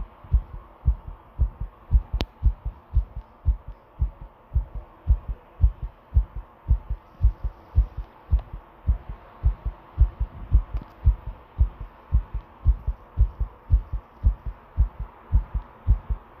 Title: 心臓の音 久々に